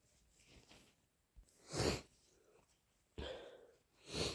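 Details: Person with a cold: quiet breaths, then a sharp sneeze burst, a pause, and further forceful nasal blasts; sneezing and nose blowing.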